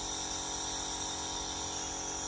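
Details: Beurer IH 21 compressor nebulizer switched on while demonstrating low, medium and high flow settings: loud, steady hissing whir of the running compressor; normal operating sound.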